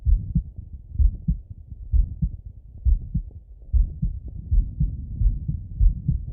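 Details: Male self-auscultating his heart with a stethoscope after a workout set: muffled thudding heartbeats over stethoscope rustle at roughly 120 beats a minute; fast heartbeat after exercise.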